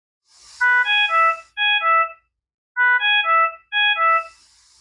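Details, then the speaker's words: Ventilator low minute ventilation alarm, two bursts of rapid descending electronic tones; it sounds when minute ventilation is at or below the alarm setting, or with coughing, bearing down or a mucus plug. "This occurs when the minute ventilation is less or equal to the alarm. The low minute ventilation alarm will also be present if the patient is coughing, bearing down, or has a mucus plug."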